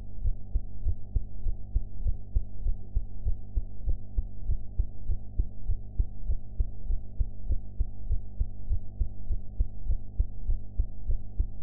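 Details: Heart sounds recorded after eating, sound quality enhanced; regular, muffled heartbeat thumps under a heavy low hum, an ordinary steady heart rhythm.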